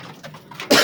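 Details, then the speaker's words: A single loud, harsh cough burst after faint throat sounds from an adult man with a severe persistent cough that had not improved with several medicines over two days: cough. "और अभी आप देख रहे थे मैं खांसी कर रहा था, मेरी आपने आवाज़ सुनी, मुझे इतनी शदीद खांसी आ रही थी।"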